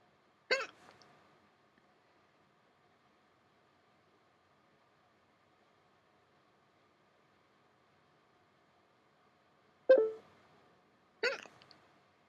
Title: Hiccups 21